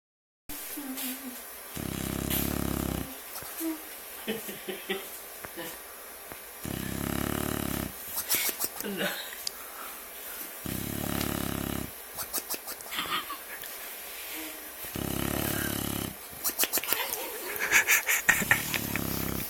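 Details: Buckwheat snoring in sleep: rhythmic low buzzing snores on each breath, about four cycles, with noisy clicks and rustling around them.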